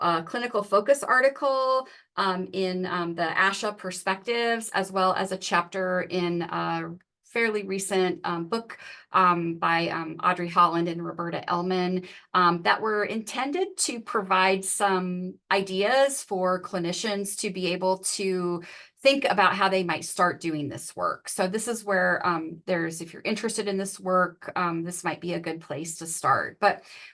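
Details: Adult woman speaking; normal speech.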